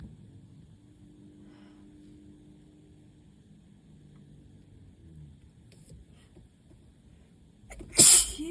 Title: 5/1 - moooore allergy sneezes!